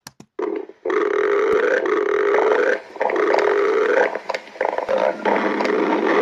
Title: Girlfriend stomach growling